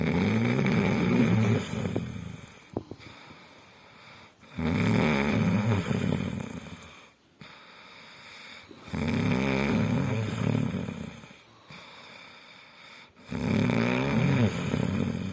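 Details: Sleeping dog snoring; deep rattling snores on each breath in, about 14 a minute, separated by quiet breaths out; ordinary snoring.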